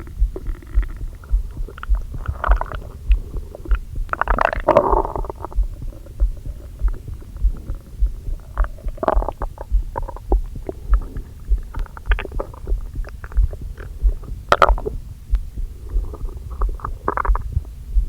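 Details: Stomach rumbling recorded with a microphone on an aching stomach right after eating brunch too quickly following a long fast: gurgling, bubbling rumbles with squeaks and pops, typical of active bowel sounds after eating.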